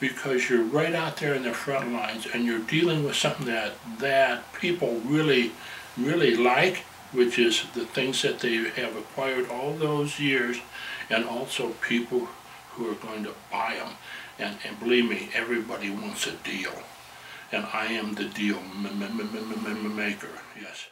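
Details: Stuttering in a 67-year-old man who has stuttered as long as he can remember and had years of speech therapy; some stuttering persists; stuttering.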